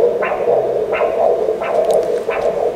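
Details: Rhythmic whooshing pulses over a steady hum, about 90 a minute: pulsed-wave Doppler of normal carotid artery flow, patient supine, recorded on a US-HCL5P ultrasound with linear probe.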